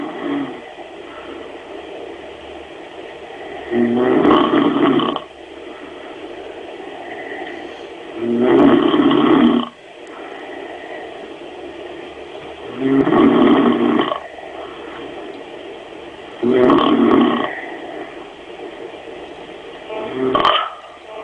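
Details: Two adults in a snoring contest while another tries to sleep: loud, harsh, roaring snores about every four seconds, roughly fourteen a minute, with rougher noise between; heavy snoring.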